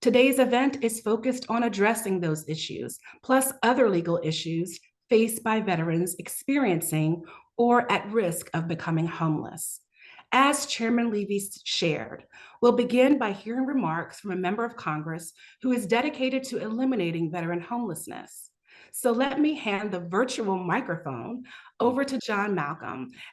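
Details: Adult speaker; no voice disorder.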